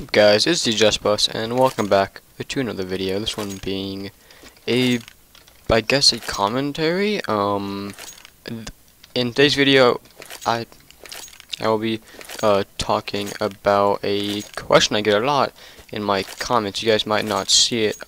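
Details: Male who stutters in nearly every sentence since second or third grade, worse in some months such as June; stuttering.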